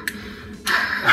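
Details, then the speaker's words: A young boy being assessed for breathing trouble and asthma makes a sudden, strong, forced blow into a peak flow meter after a quiet pause; he reaches about 120–125. "you put your mouth around that mouthpiece make a nice tight and blow as hard as you can you're gonna see how high you can make that go"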